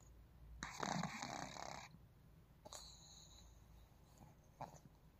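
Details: Pug snoring while asleep: one loud, harsh snorting breath, then softer whistling, snuffling breaths.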